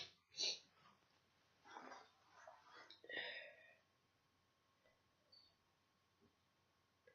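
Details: Person with a cold, sick and sneezy all weekend, snuggled in bed: one sharp, explosive sneeze, then several noisy breaths and sniffs in a quiet room; sneezing, part of six big sneezes and a nose blow.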